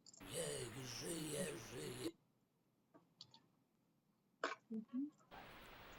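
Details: Man after total laryngectomy, fitted with voice prosthesis and having had microsurgery, singing a song in a clinical recording; fluent, well-modulated tracheoesophageal voice described as very good; tracheoesophageal voice after total laryngectomy.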